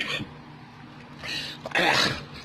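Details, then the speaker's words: A brief throat clear and short dry coughs from an adult man who attributes them to his acid reflux, after having coffee and spicy food. "of my reflux see can you guys hear it which causes me to cough"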